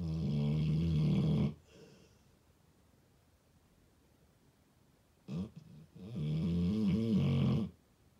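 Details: Snoring in a sleeping 4-year-old male American Staffordshire Terrier/Pitbull on his blanket: two deep, rattling snores separated by a quiet pause, with a brief snort before the second.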